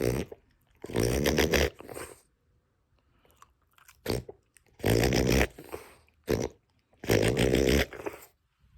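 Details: Reverse sneezing in a dog: three bouts of loud, rapid snorting breaths pulled in through the nose, with pauses between them.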